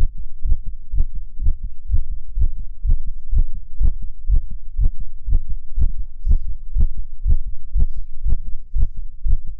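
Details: Male heartbeat: steady, strong low thumps at about 120 a minute, a fast heart rate.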